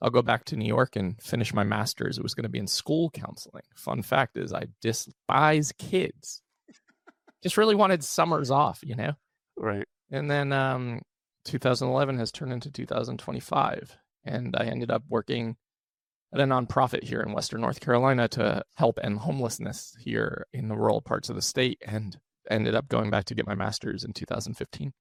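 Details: Adult man with a rare, chronic, recurring throat condition; endoscopic surgery in 2021, then open throat surgery in 2022 left one vocal cord paralysed; after extensive speech therapy, voice improved but tires daily; vocal fry from unilateral vocal cord paralysis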